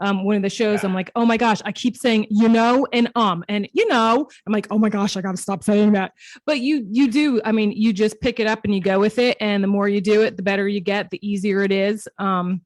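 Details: Adult woman speaking; Normal fluent speech.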